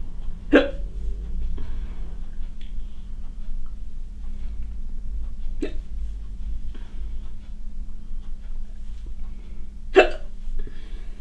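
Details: Woman with a chronic hiccup condition hiccuping during housework: three abrupt, sharp hiccup sounds about five seconds apart over a steady background hum; persistent hiccups.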